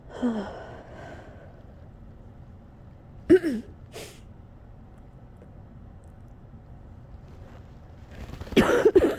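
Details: Coughing fit during a cold lasting a couple of weeks: scattered harsh cough bursts with shaky, breathy gasps between them, ending in a quick cluster of coughs, near the end of a fit close to an hour long.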